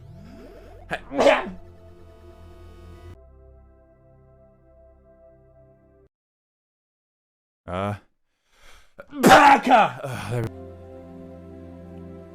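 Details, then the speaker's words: Human sneezing, a sneeze that came on suddenly: two sharp sneeze bursts with an added echo effect over background music; ordinary sneezes. "i need to sneeze it's not [ __ ] [ __ ] [ __ ] [ __ ] came out of nowhere"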